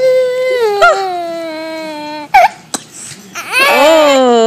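Infant fussing cry with drawn-out, wavering wails and a brief catch in between; an ordinary fussy infant cry.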